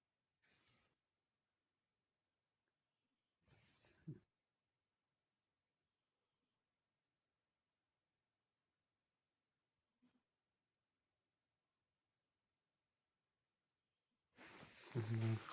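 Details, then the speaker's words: Male cat asleep late at night gives a few soft, rumbling breath sounds, the last one louder; snoring. "растяпкой мой мальчик спишь такой звук раздает стёкла это как храпит есть храпит"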